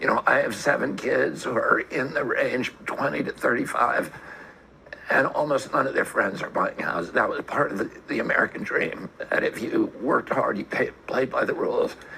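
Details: Adult man with a formal diagnosis of spasmodic dysphonia; his voice is judged more inconsistent than his grandmother's voice, with audible vocal cord disturbances and volatile, turbulent movements. Finding: spasmodic dysphonia.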